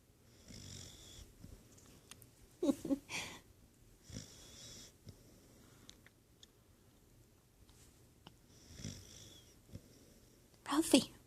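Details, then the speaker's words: Soft, rough sleep breathing with a few louder snorts in a quiet room; snoring. "Ralph, you're snoring. Psst. Ralph, you're snoring."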